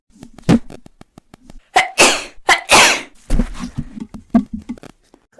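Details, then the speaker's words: Young woman with allergies and sinus trouble: a few sharp, loud sneeze bursts in quick succession, with soft breathy sounds and quiet room noise; ordinary sneezing. "I got to sneeze by the way you have 10 seconds to answer otherwise it's an automatic eat I really had to sneeze life I just sneeze oh my no one wants to see that I'm going to sneeze"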